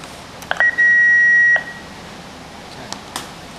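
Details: A single steady electronic tone about a second long, with a few clicks, as a defibrillator enters its automatic self-test during a daily user pretest with AC power disconnected. Defibrillator self-test beep.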